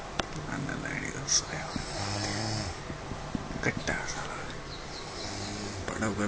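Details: Sleeping donkey snoring: low, rough, rattling breathing noises with some outdoor background noise.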